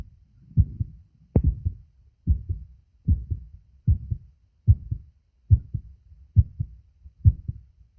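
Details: Self-recorded adult male heartbeat taken with a phone microphone over the auscultation sites: steady lub-dub at about 73 beats a minute, regular rhythm; normal heart sounds.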